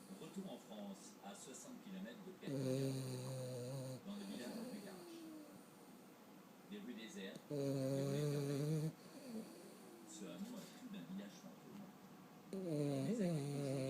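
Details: Dog (Huggly) snoring in sleep: deep, buzzing snores roughly every five seconds with quieter breathing sounds between them; snoring.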